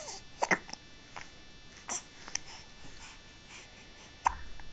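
Several abrupt, short, jerky gulping sounds at irregular intervals over a few seconds, with some background noise, consistent with hiccups.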